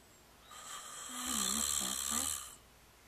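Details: Snoring: one long, buzzing, vibrating breath lasting about two seconds; a typical snore.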